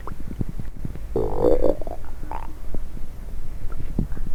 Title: coffee and diet coke , stomach noise.